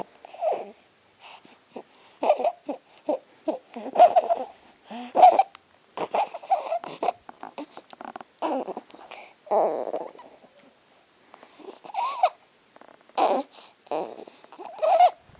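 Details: Young child: repeated harsh, high-pitched noisy breaths mixed with babbling-like sounds, with background noise; stridor.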